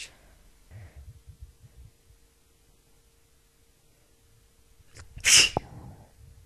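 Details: Partly held-back sneeze, which the sneezer says worsens the spray: a single sharp, hissing sneeze after a quiet stretch of soft sniffing and faint room noise.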